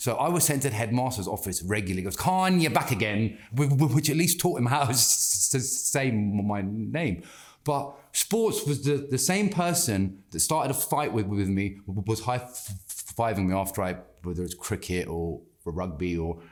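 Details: Adult man who has stammered since childhood, persisting into adulthood; anxiety and stress make speaking harder, and slowing down and taking a breath helps him control it; stammering (stuttering).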